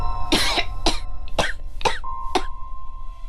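Five harsh, forceful coughs in quick succession from an adult, acted for a drama, over a steady musical tone.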